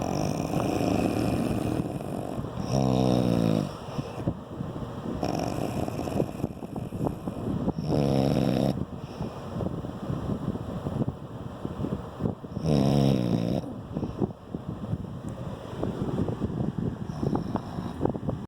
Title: Still snoring... I'll never sleep